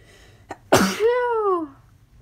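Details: Deliberately induced sneeze: a quick inward catch, then one forceful, explosive sneeze with a trailing, falling vocal sound, sounding exaggerated.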